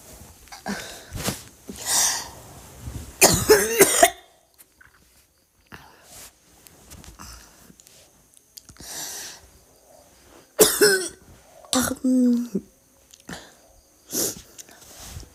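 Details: Girl coughing and vomiting: repeated harsh coughs in several bouts, with throat clearing and gagging-like sounds between them, in a quiet room.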